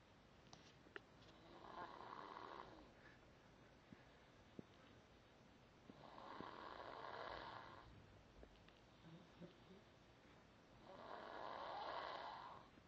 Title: Snore damn u!!